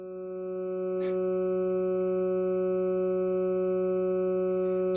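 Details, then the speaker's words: Steady, dull, unchanging humming drone with faint rustle: sonified EEG from a simple device, the sound of a normal healthy brain, called pink noise, with brain frequencies around 10 cycles per second. "kind of funny that it's such a dull kind of sound but that is that is the sound of a normal healthfully functioning brain so-called pink noise"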